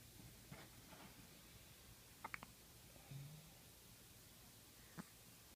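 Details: Newborn girl, 5–6 days old, lying prone during tummy time for about two minutes: a few soft, abrupt little catches a couple of seconds apart, sometimes in quick pairs, which are infant hiccups.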